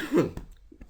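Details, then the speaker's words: Adult man, hoarse-voiced, gives a single brief cough-like throat clear during a software tutorial, followed by faint small sounds. "excuse my voice, I'm a little hoarse today."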